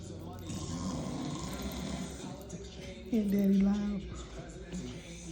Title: Dad snoring woke Jumanji up from his afternoon nap. 🤣💤#pomskydog #pomskylife #dogs